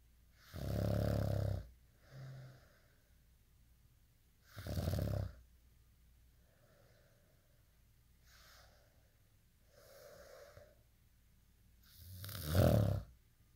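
Loud rumbling snores alternate with softer breathing sounds, about three breaths in 13 seconds, uneven in strength.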